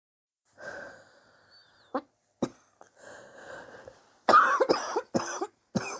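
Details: Adult's own cough, recorded over several weeks; sore from coughing, suspects bronchitis but unsure, chest x-ray planned to check for pneumonia: harsh coughs, a few isolated then a rapid run of about five, between noisy breaths.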